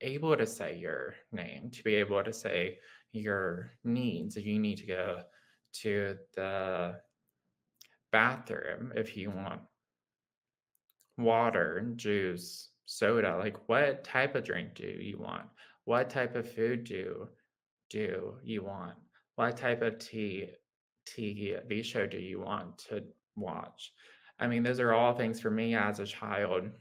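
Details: Adult man with lifelong developmental childhood apraxia of speech, as opposed to apraxia acquired later in life; childhood apraxia of speech.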